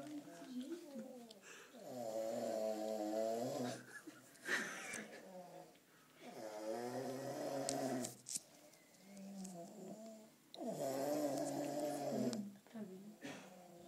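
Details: Long, whistling, droning snores, about 14 a minute, with snuffly sounds between them, during sleep; snoring.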